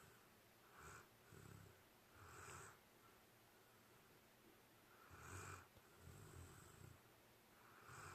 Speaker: are you snoring? Yeah, always.